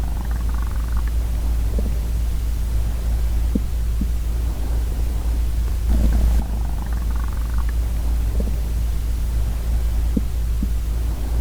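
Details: Young woman's hungry stomach growling, recorded close up with no talking: steady deep rumbling with occasional faint gurgles; normal borborygmi.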